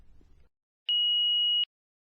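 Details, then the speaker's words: Single steady high-pitched beep under a second: power-on tone as the green on/off button is pressed on a Philips HeartStart FRx AED, training demonstration for an adult victim, before voice prompts to bare the chest and apply pads. "to start the defibrillator press the green on off button and follow the heart start frx's voice instructions"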